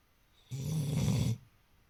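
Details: Snore-like sounds made while awake, something he does very often: one low, rattling, snore-like snort of about a second; snoring.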